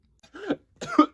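Two short acted adult cough bursts in quick succession in a quiet room.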